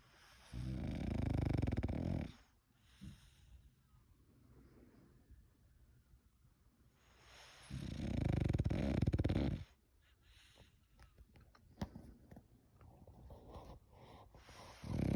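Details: A French Bulldog snoring very loudly: low, rattling snores on each in-breath, about two seconds long, roughly 8 breaths a minute.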